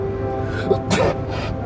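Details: A single short acted sneeze from an adult actor in a drama scene, a sharp burst of air over steady background music.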